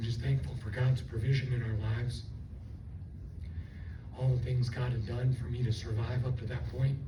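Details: Adult stroke survivor with left vocal cord paralysis from the stroke, running on one vocal cord; the cords do not seal, so breaths are needed while talking; also lost swallowing function and was on a liquid diet for two months; unilateral vocal cord paralysis dysphonia.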